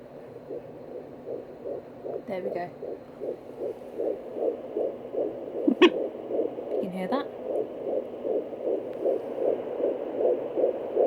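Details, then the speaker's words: IVF pregnancy at 13 weeks 4 days, home handheld fetal Doppler: fast, steady whooshing pulses at about 155–160 a minute, much faster than the mother's artery sound, with a few probe scrapes: fetal heartbeat on Doppler. "I sounds so much different to the other sound I showed you at first this one's a lot faster"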